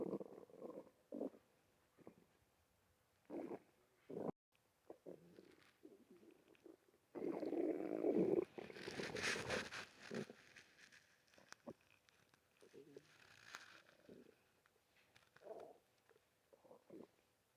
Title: bf gf and sticky stomach rumble